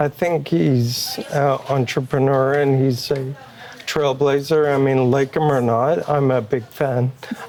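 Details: Adult man with ALS, a progressive neurological disease, with a Neuralink brain implant received in late May; he says his voice is starting to slow down and will worsen daily; dysarthria (ALS).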